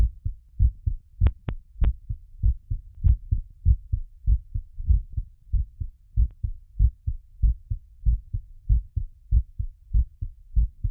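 Steady low heartbeat thumps at roughly 95–100 a minute, with a few sharp clicks early on; ordinary heart sounds while recovering after exercise.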